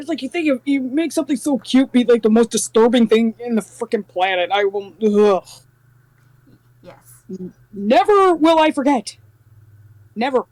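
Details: Adult speaker; normal speech.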